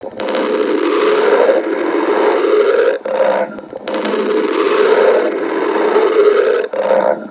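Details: Two long gurgling, rumbling bursts of about three seconds each from a badger named Sticks; stomach growling (borborygmi).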